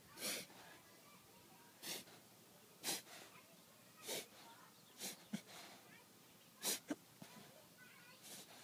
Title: Dog with breathing problem